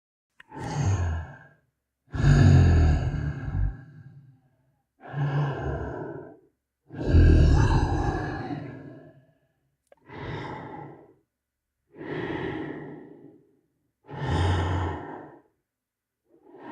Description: Horror Game Sound FX Sleeping Monster Creature Snore